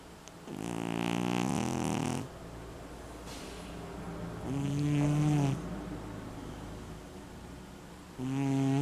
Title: Sushi snoring